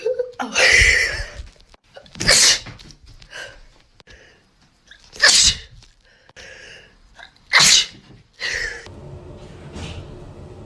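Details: Four sharp, explosive sneezes in quick succession, each preceded by a short in-breath, with light background noise, in girls having a COVID-19 nasal swab test; swab-induced sneezing.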